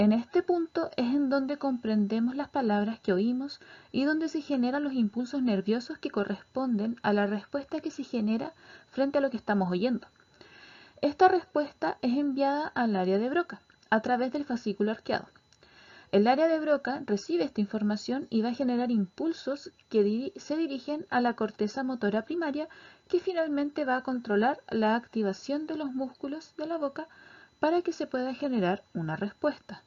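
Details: Adult woman lecturing; normal speech.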